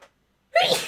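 A single short, explosive burst of air through the nose and mouth after a brief quiet pause: an ordinary sneeze.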